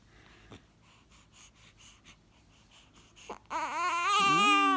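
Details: Korean infant having saline put in the nose to induce sneezing: soft, snuffly fussing breaths give way to a sudden loud, rising cry in the last second.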